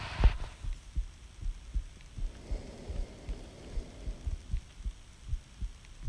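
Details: Woman's own heartbeat recorded by her boyfriend; heart rate audibly speeds up with each inhalation, consistent with respiratory sinus arrhythmia; she asks if this is normal; individual beats not heard well.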